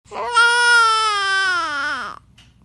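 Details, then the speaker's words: Baby with hiccups, crying intermittently, possibly after being put down: a single sustained, high-pitched wail of about two seconds that falls in pitch at the end. Infant cry. "விட்டு விட்டு அழுகுற. கீழே எடுக்குதா குழந்தைக்கு, அதனால அழுகுறீங்களா?"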